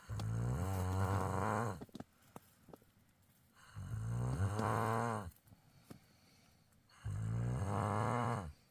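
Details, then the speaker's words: Loud, rumbling voiced snores on inhalation, three in about nine seconds with quiet pauses, from a man asleep while wild camping; ordinary heavy snoring. "as you can hear L makaroni is out fuzzy count he's snoring away"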